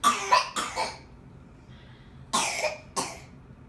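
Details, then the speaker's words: A child coughing, recorded January 29, 2016: two short clusters of harsh, loose coughs with a quiet pause between them. "us one of you true are you okay are we done coughing you think no yeah probably not"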